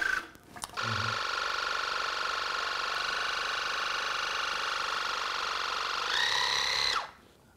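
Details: Steady high buzzing hum of a Waterpik pulsed irrigator running about six seconds, flushing the blocked right ear with hot water and hydrogen peroxide. Early round of irrigation for impacted cerumen.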